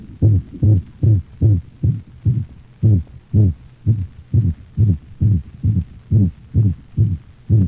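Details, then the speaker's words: Dog, canine auscultation: systolic whoop (seagull murmur), a musical, high-frequency variant of the holosystolic murmur of atrioventricular valve insufficiency; rapid heartbeat about 136 a minute with a honking whoop filling each systole. "the systolic hoop or seagull murmur is a variation of the holosystolic murmur heard with atrial ventricular valve eula insufficiency notice the high frequency and musical quality of the systolic hoop"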